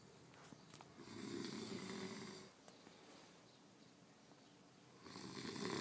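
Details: Roommate snoring heavily: two loud, rough, rattling snores on inhalation separated by a quiet pause, in a small room.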